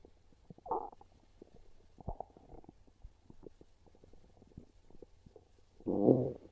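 Low gurgling rumbles with one long loud growl at the end, ordinary hunger stomach growling.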